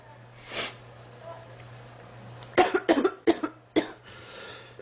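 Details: Girl sick about 3 weeks, feeling hot and unwell, coughing: a short run of four harsh coughs in quick succession after a faint breath, in a quiet room.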